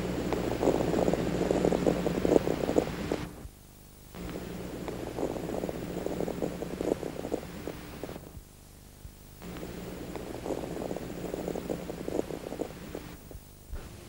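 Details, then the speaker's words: Deep breaths after the night with fine crackles as collapsed lower-lobe alveoli reopen, disappearing with deep breathing; atelectatic (unfolding) crackles. "si uno Pide al paciente que respire hondo va a poder va a poder ocultar esos estertores de despegamiento que no es más que otra cosa que la recuperación de luces alveolares para la hematosis"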